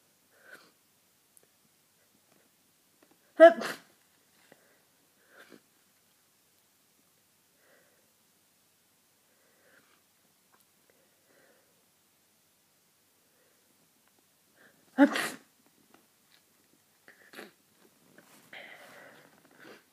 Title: Powerful cold sneezing fit